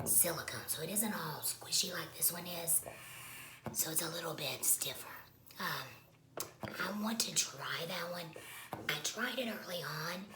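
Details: Woman who has had a laryngectomy, speaking with alaryngeal voice, voice method not stated; alaryngeal speech after laryngectomy.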